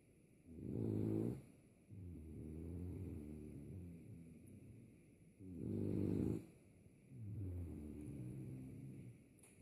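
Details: French Bulldog snoring: loud, low rattling snores in a regular rhythm, a harsh inward snore followed by a softer fluttering outward breath, about six breaths a minute.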